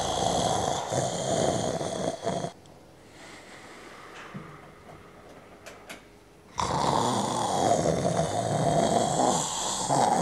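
Loud rattling snores on the breaths, with a pause of about four seconds between them; snoring during sleep.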